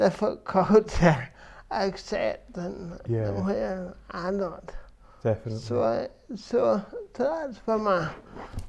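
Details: Adult man with dysarthria from cerebral palsy present since birth, which he says affects his verbal communication, balance and coordination; real speech; finding: dysarthria.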